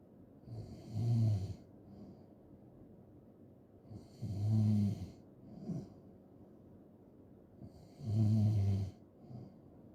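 Three loud, low, rattling snores on the in-breath, about 17 breaths a minute, with quieter out-breaths between. Ordinary heavy snoring.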